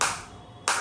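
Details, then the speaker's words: Focused acoustic shockwave therapy device at intensity 8 on the operator's own uninjured body, not a joint, intensity being raised toward 9–10: two sharp snapping pulses a fraction of a second apart. "तो इस तरीके से आप देख सकते हैं ये shock आ रहे हैं। अभी एट इंटेंसिटी है।"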